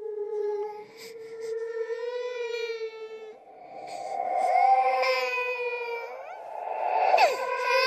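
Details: Created horror sound-effect track of a ghost baby, not a real infant: drawn-out, wailing infant-like cries with a spooky echoing tone; infant cry.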